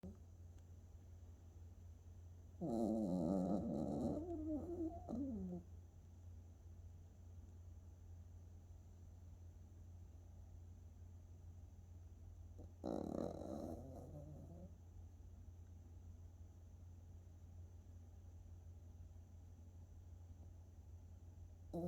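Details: Sleeping Maltese dog: two loud, rattling snores about ten seconds apart over a steady low hum; very loud snoring.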